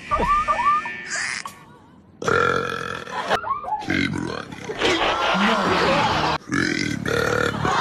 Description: His burps are so damn good, so I just had to make a compilation of his best ones!